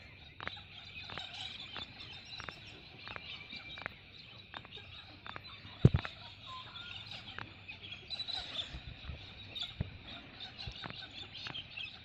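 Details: Repeated knuckle cracking, attempted 100+ times on a trampoline outdoors: faint, sharp pops about every half second to second, with chickens clucking in the background.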